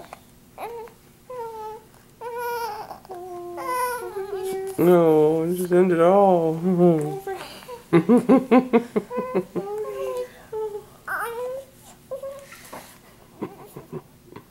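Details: Fussy infant, filmed while having hiccups, vocalizes, rises into a sustained cry, then breaks into pulsed sobbing in a small room; caregiver checks the diaper and suggests hunger; ordinary infant cry.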